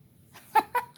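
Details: Adult woman diagnosed with Tourette syndrome, having a more vocal-tic day, whose tics include meowing: three brief, abrupt clucking vocal bursts resembling a chicken sound, simple vocal tics.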